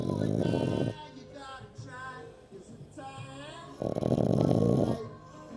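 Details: Sleeping dog with two loud, rattling snoring breaths separated by quieter, whistling, wheezy breath noise; snoring.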